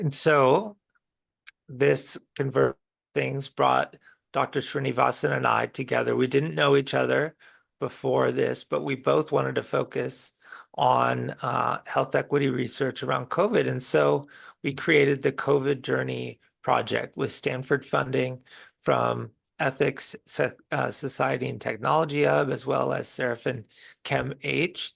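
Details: Woman with a disability involving weak respiratory muscles and a weak cough; weak voice from respiratory muscle weakness.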